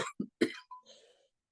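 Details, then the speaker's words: An adult recovering from an illness, with a lingering runny nose, gives three quick, harsh dry cough bursts in close succession, without rattle or gurgle, then a faint trailing breath. "I have a wicked dry cough, so you might hear that some today."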